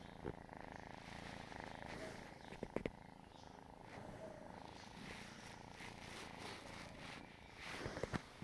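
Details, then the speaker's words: Kitten purring: steady, low, motor-like rumble, with a few handling bumps and clicks. "भाई ये कैसी आवाज़ें निकाल रहे हो? ये मोटर वाली आवाज़ निकाल रहा है।"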